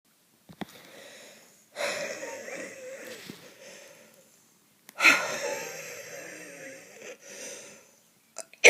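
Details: Two long, noisy breaths with audible whistling tones from narrowed airways, in someone with a cough; wheezing.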